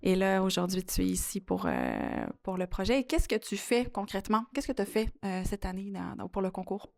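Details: Adult woman speaking French; normal speech.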